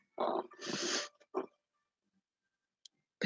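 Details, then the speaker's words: A cat snoring loudly: a rough snort, a long breathy rasp, then a short grunt, as a single snoring breath in a quiet room. "won't do one more song and losing my voice again so the cat snoring well he's really loud I"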